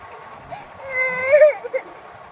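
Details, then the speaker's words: Short wailing cry then two brief whimpers from an angry baby girl crying while being coaxed to eat, with quiet room noise. "ও বাবা, লাগে, ও আল্লাহ, দাঁড়া, সত্যি কাঁদছে, দেখো তো।"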